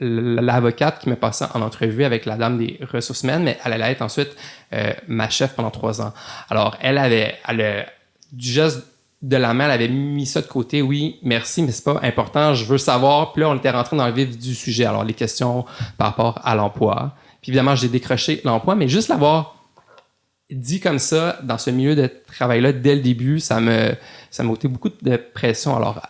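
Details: Adult male lawyer who grew up in Montreal and has had a stutter since childhood, speaking French in a podcast interview; stuttering.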